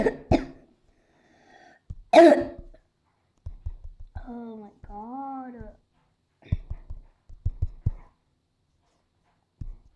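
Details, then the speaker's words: Person with a bad cough, unwell that morning, coughing repeatedly while playing a game and talking; a real illness cough. "Sorry guys. You can hear my cough and the rest of this. I do apologize, and I don't mean it. It's just that I can't help coughing in this video."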